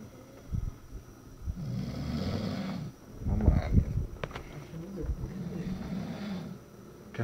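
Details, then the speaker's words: Cha, a sleeping dog, snoring with low rattling snores that rise and fall with each breath in a quiet room at night, compared to pugs' snoring. "cuando pensamos que íbamos a poder dormir empezó a roncar también el cha cha roncando ahora identificamos"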